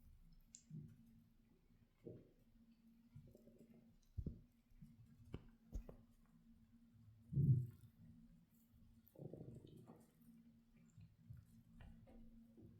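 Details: Empty-stomach growling (borborygmi) while lying in the bath, after only coffee that morning, recorded without an external mic: quiet scattered low gurgles and rumbles with a few clicks.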